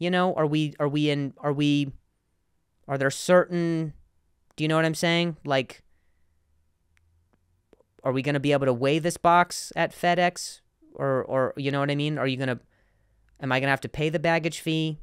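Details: Adult male comedian who says he has stuttered for a long time and sometimes still does; this stretch contains repeated words; stuttering.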